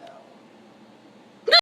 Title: my hiccups are the worst!!